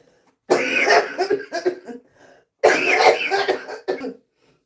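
Two bursts of harsh, rattly coughing and throat clearing from an adult woman, each a loud cough followed by shorter clearing sounds; cough episode.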